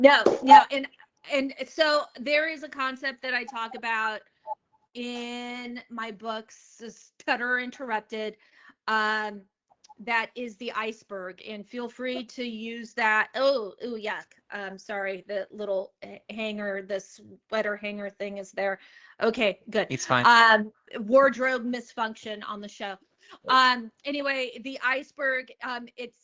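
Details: Stuttering in an adult woman, onset at age eight; open about her stutter.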